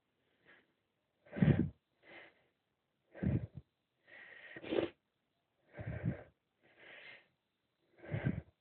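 A run of short, muffled sneezes and sniffs in quick succession, typical of a bout of itchy-nose sneezing.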